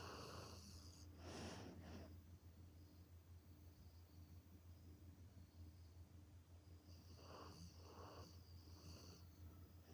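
Quiet, soft rasping snore sounds recur every few seconds over a low steady room hum. A sleeping dog snoring.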